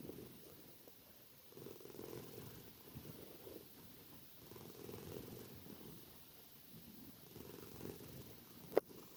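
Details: Tortoiseshell cat snoring loudly in sleep: soft rhythmic rumbling breaths, a purr-like snore rising and falling with each breath.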